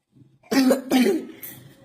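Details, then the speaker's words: A child who has coughed all day and has had a very bad cough for two days gives two harsh, barking coughs; the doctor attributes it to a viral infection, a croup cough. "ايوه دكتور الواد بيكح طول النهار بس دلوقتي بيكح كحه وحشه قوي وبقى لها يومين"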